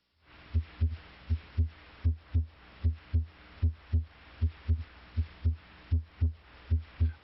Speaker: the first sound s1 arises from closure of the mitral valve bicuspid valve closure may also contribute to s1 the second sound as to arises from closure of the aortic valve pulmonic valve closure may also contribute to s2